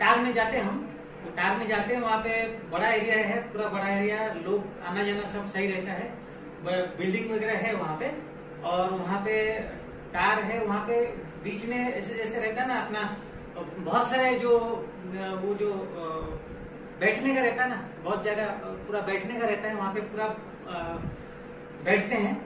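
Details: Patient with Wernicke's aphasia, real clinical demonstration in a hospital medicine department, speaking Hindi; fluent but jargon-filled, meaningless speech; Wernicke's aphasia.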